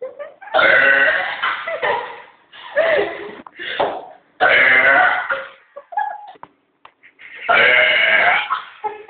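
A series of loud, long, deliberate-sounding burps, about five in nine seconds, with short pauses between them.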